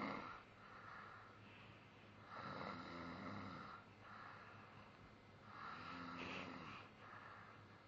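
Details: Slow, rough, rattling snores on inhalation with quieter pauses between, in a quiet room; ordinary snoring.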